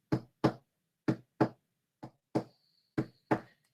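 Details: Normal heart sounds played for comparison before a gallop rhythm: steady paired lub-dub beats at about 60 a minute, two clean heart sounds each cycle with no extra sound.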